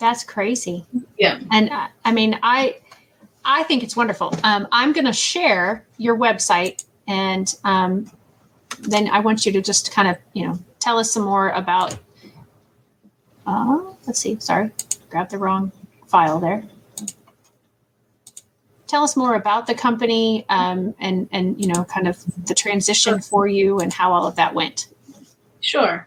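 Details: Adult woman speaking; normal speech.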